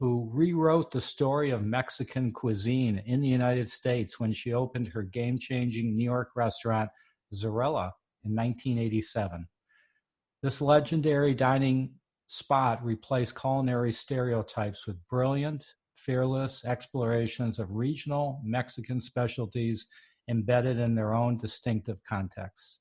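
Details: Adult male speaker; typical speech.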